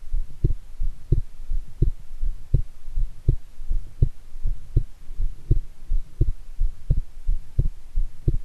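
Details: Forceful heartbeat recorded right after a shower, with the person feeling excited anticipation about an upcoming TV programme on the heart; the beats sound fairly strong and pounding.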